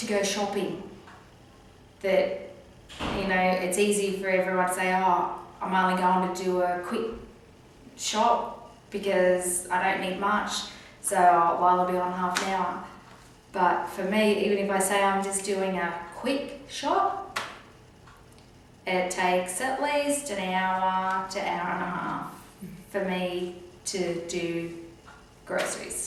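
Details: Post-stroke aphasia in an adult woman living with it for more than a year, who had an operation to repair a hole in her heart; she still struggles to find words and to talk in groups. Finding: aphasia.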